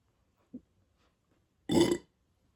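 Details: One loud, drawn-out burp after a brief soft throat sound, in a quiet room; bloated burping from someone who can burp on command.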